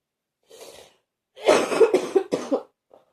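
A soft breath followed by a run of three or four deep, harsh coughs in quick succession.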